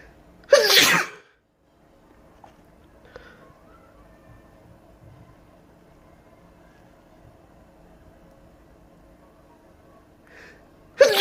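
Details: Self-induced sneezing: a sharp, explosive sneeze, a quiet pause with faint breaths, then the start of a second sneeze.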